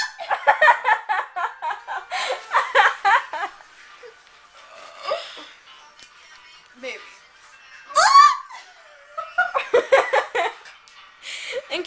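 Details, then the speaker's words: A girl's hiccups that she cannot control: sharp, high, squeaky gulps between giggling and chatter, with music in the background. "you're wondering what that is that's hiccuping alone I can't control it"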